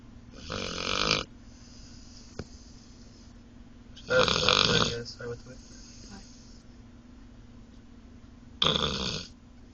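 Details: Dog asleep in a car after a long day of trying to escape its cage: loud rasping snores about every four seconds, quiet breathing between, steady low background hum; snoring.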